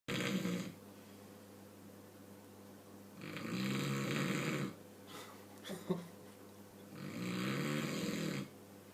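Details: Slow, loud rattling snores on the in-breath, about 16 a minute, with quiet pauses between; ordinary snoring.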